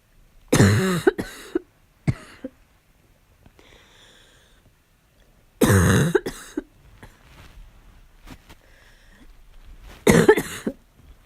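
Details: Harsh, hoarse barking cough during a fall cold: three bursts with short follow-up coughs and quiet breathing between.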